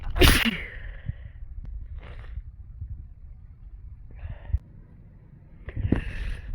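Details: A loud sharp sneeze, short sniffs and breaths, then a second sneeze starting, over low outdoor rumble.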